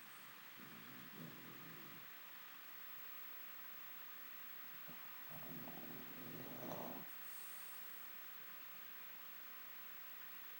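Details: Dog snoring during sleep, called super loud by the owner: two rough, rattling snores several seconds apart over faint background hiss.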